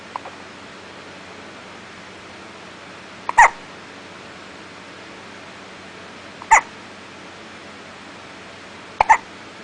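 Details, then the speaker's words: Three short, sharp hiccups about every three seconds from a 5-day-old newborn over a quiet room hiss: ordinary newborn hiccups. "got the hiccups going."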